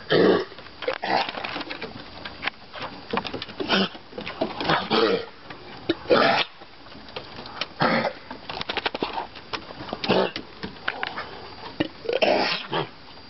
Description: two vizslas with kennel cough